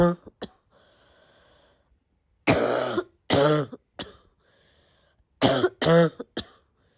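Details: Sick girl with a congested, barky cough: about eight harsh, voiced barking coughs in short clusters, with a wet, congested edge.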